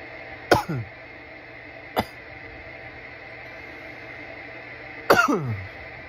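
Three harsh cough bursts, the first and last with short rattly follow-ons, over a background hum; irritant coughing after smoking.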